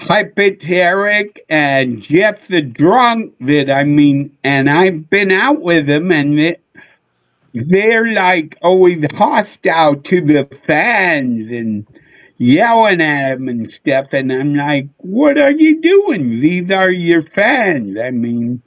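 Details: Adult male comedian with a neurological problem; MRI showed part of the back of the brain underdeveloped; childhood car-accident head injury with brief hospitalization; seen by a neurologist; real condition; slurred speech, often mistaken for drunkenness (possible dysarthria).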